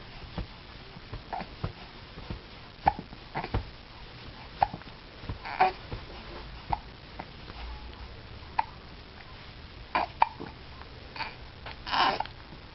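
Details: Infant hiccups: repeated short, abrupt hiccup sounds roughly every one to two seconds, with rustling and sniffing; the hiccups make him unhappy.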